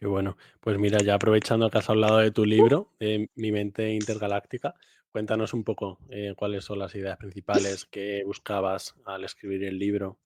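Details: Adult male speaker; normal speech.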